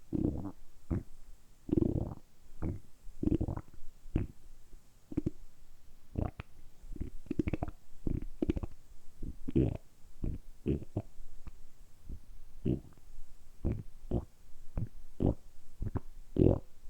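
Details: Repeated gurgling, bubbling rumbles from the belly, deliberately produced for ASMR; ordinary harmless stomach rumbling, borborygmi.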